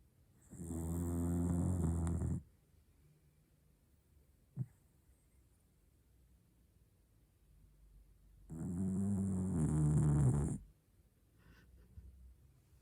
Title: 코고는 강아지 호밀이 snoring dog homil